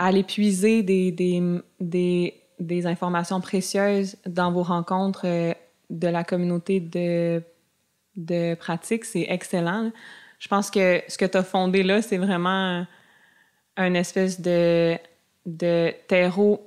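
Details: Adult woman who stutters, speaking naturally in conversation with part-word and word repetitions: stuttering.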